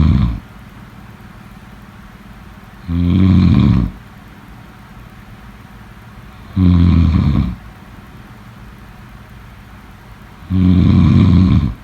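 Loud, low rattling snores about every four seconds, roughly 16 a minute, over steady background hiss; sound-effect recording.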